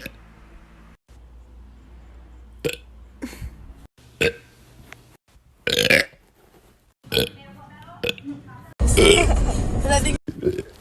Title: tiktok girl burping